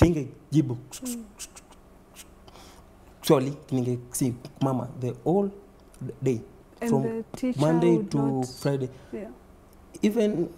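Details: Stuttering (stammering) in a man under 30 who reports repetitions, blocks and prolongations, and adding syllables to words.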